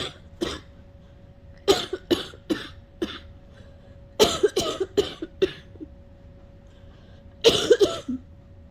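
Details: Sick adult giving repeated short cough bursts in bouts, straining to bring up phlegm without clearing it, unable to stop; cough.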